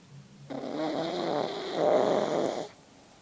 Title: pug snoring [alfie]